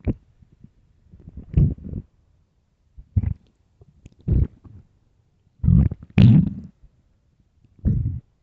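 Low gurgling and growling rumbles in irregular bursts, typical stomach growling of an empty stomach; a normal sound.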